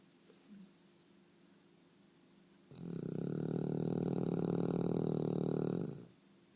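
A single loud, buzzing, rattling snore lasting about three seconds, after a quiet pause, from a sleeping dog.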